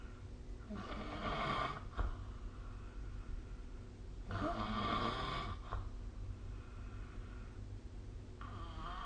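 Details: Snoring during sleep recorded with the SnoreLab app: repeated rough, fluttering snores on each breath in, with quieter breathing between; ordinary snoring.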